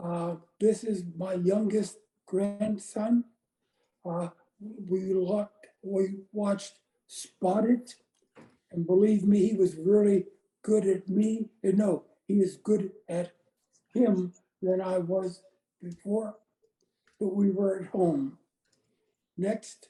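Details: Woman with aphasia after a gunshot wound to the head in January 2011; words are in her brain but she can't get them out; speech short and effortful.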